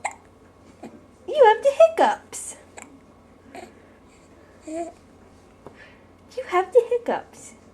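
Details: A baby makes several short, abrupt catching sounds mixed with babbling in a quiet room; hiccups.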